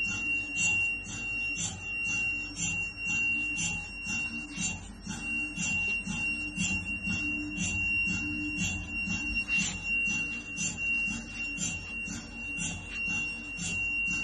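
Rapid repetitive high-pitched electronic chirping and beeping over a steady tone, typical of an MRI scanner running an imaging sequence.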